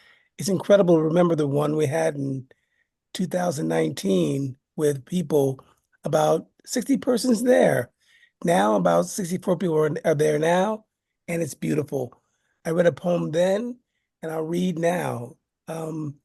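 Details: Adult man living with aphasia after a stroke; aphasia.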